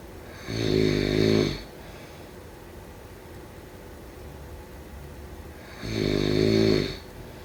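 Two loud, rough, vibrating snores about five seconds apart, each lasting about a second, with quiet breathing between them. Typical snoring.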